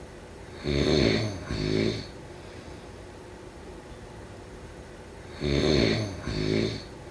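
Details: Snoring during sleep: two loud, rattling snores with a short pause between them, then another pair after a quiet gap.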